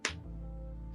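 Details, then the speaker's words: A single sharp click from an adult's knee, which pops consistently, heard over background music; knee crepitus (joint popping). "that was my knee cracking they crack all the time my knees do they pop consistently"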